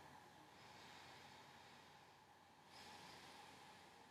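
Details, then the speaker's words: Student nursing assessment of an adult male, stethoscope anteriorly and posteriorly during deep breaths: soft, steady airflow hiss, clear normal breath sounds with no rales, crackles or wheezes. "lung sounds are nice and clear I don't care any rolls any crackles any wheezes anything like that"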